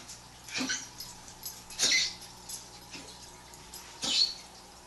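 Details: Three short, dry, hissing cough bursts from a dog, a few seconds apart, over quiet room noise: dog cough.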